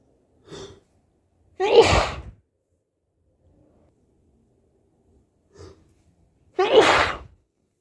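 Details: Two sneezes, each with a short in-breath before an explosive burst, separated by quiet.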